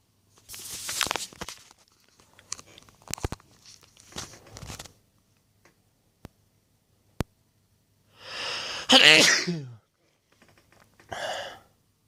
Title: Big induced sneezes, breathy buildups, triple sneeze (M)